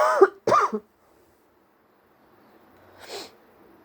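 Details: Two quick voiced coughs or throat-clearing bursts, then a softer breathy burst, recorded sitting outside in very high pollen levels; person suspects a cold starting and woke the next day with a very sore throat, aches and chills.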